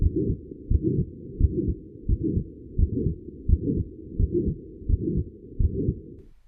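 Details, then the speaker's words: Crescendo-decrescendo mid-systolic murmur of aortic stenosis, beginning after S1 and stopping before S2 with audible gaps; regular rhythm about 86 a minute, rising-then-falling murmur between heart sounds. "for example a mid systolic murmur heard in physiologic flow murmurs or the crescendo decrescendo murmur of aortic stenosis begins after s1 and stops before s2"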